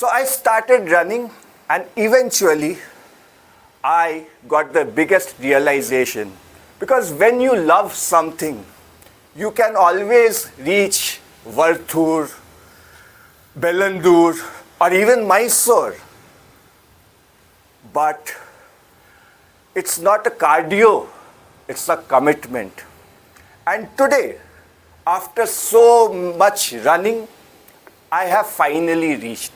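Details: Adult speaker; normal speech.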